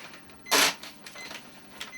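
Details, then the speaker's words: ECG machine printing: brief mechanical whirring burst as paper feeds, faint background noise, after an electrocardiogram on a 25-year-old male runner showing a healthy heart, normal for his age and weight. "So I've just had an ECG and it shows that my heart is healthy and beating normal for somebody my age and weight, which is a massive relief."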